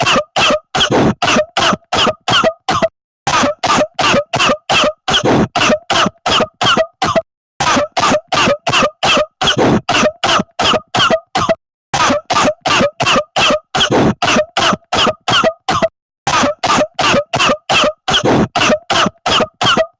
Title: Coughing | 10 minute compilation